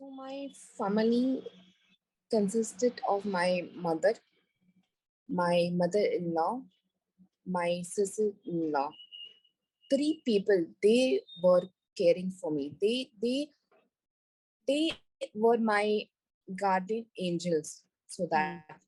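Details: Recovering global aphasia in a woman after a massive stroke on an Everest base camp trek, initially unable to speak, read, write or spell; about four years later after long speech therapy, residual word-finding errors and garbled words.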